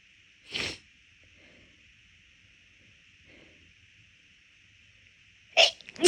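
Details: Two sharp, forceful, rapid sneezes several seconds apart over a steady background hum; induced sneezing, bigger and easier because the nose already felt off midway through a walk.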